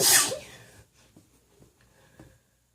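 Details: Unmuffled sneeze recorded by a woman, provoked by tickling with a feather: one loud, sharp sneeze followed by quiet breathing.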